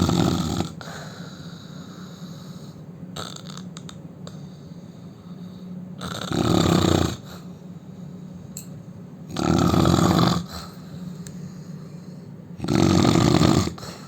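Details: Loud, harsh rattling heavy snoring from a man, repeating every three to four seconds over a steady background hum.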